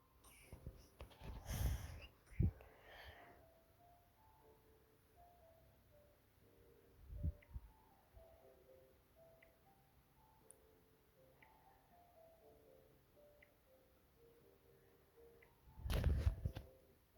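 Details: Capybara gives a few short, low, husky coughs, with soft chiming music playing throughout; cough in a sick capybara.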